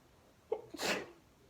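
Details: Single sneeze from a sneezing fit of 26 sneezes while watching TV: a quick in-breath, then one sharp explosive sneeze.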